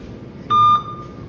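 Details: A single short electronic beep over low room noise from an anesthesia machine confirming ventilator mode selection, during pre-use calibration after setting O2 flow, before setting tidal volume and rate.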